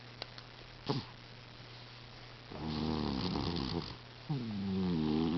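Soft squeaky, whistling breath sounds with a low rattle, consistent with a snoring cat; two longer noisy breaths.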